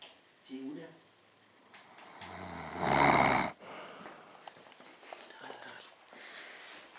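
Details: Snoring of a sleeping woman, recorded by friends at night.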